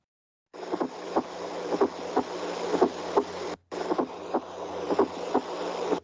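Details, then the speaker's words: Regular heart sounds at about 60 a minute over a steady hiss, from an auscultation app, with an extra soft low sound just before the first sound: a fourth heart sound (S4), usually pathological, occasionally normal in older adults. "Y lo vamos a escuchar de la siguiente manera. Ahorita el primer ruido que escuchan en la aplicación es el S4."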